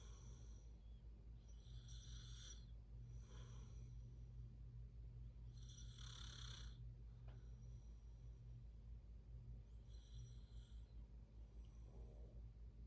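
Rough, rattling snores on breaths in and out over a steady low room hum, roughly one cycle every few seconds: ordinary snoring.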